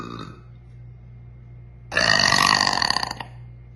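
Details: A girl's single loud, rough, drawn-out burp lasting about a second over low room hum; a deliberate belch.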